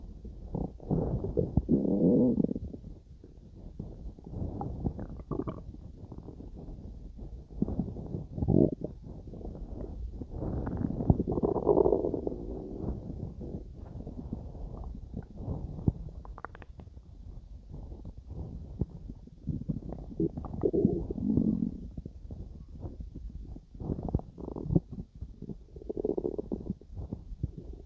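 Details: Irregular gurgling and rumbling from the abdomen, a person's stomach growling while digesting food.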